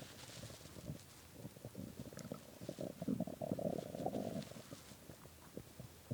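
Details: Low, prolonged gurgling and rumbling with irregular bubbling pops: hunger stomach growling (borborygmi) from an empty stomach at 3 a.m. after skipping lunch and dinner.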